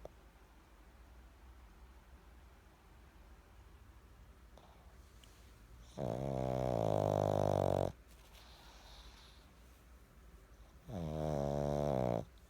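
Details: Pug snoring: two loud, rattling snores of one to two seconds each against quiet breathing; flat-faced dog.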